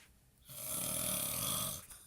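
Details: Sleeping man in a recovering addicts' house, sleep apnea mentioned, gives one loud, rough, rattling snore on the in-breath, quiet room sound before and after; others call out that he is snoring.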